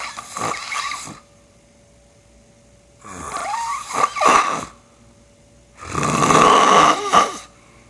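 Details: Sleeping man snoring loudly; the uploader suspects borderline sleep apnea. Three loud, rough snores with quiet pauses between, the last the loudest and longest. Heavy snoring.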